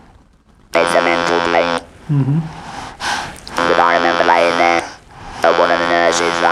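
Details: Man speaking with an electrolarynx after total laryngectomy and radiotherapy for laryngeal squamous cell carcinoma; buzzing artificial-larynx voice; electrolarynx speech after laryngectomy.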